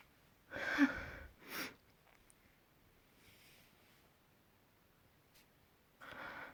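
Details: One sneeze with a sharp intake and burst, followed by quieter breathing and a sniff; an ordinary sneeze, one of several recorded the previous week.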